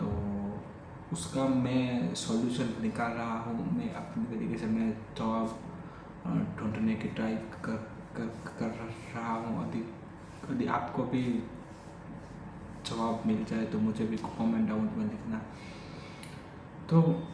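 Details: Adult male with stuttering since childhood, speaking spontaneously in Hindi during day 45 of daily stammering practice (tongue twisters, word repetition, lip and tongue exercises, counting); repetitions of words and phrases; stuttering.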